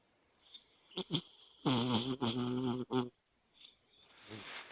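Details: Sleeping dog, dreaming with eyes open: brief snuffles, then a few rattling, buzzing snores with soft whimpering sounds; snoring.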